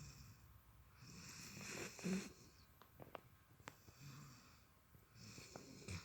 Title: Kovu 🐶 snores like a grown man